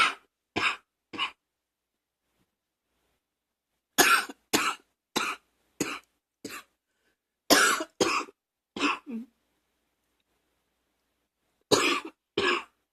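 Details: Repeated short, dry cough bursts in clusters of two to four, about thirteen coughs with quiet gaps; coughing with allergies.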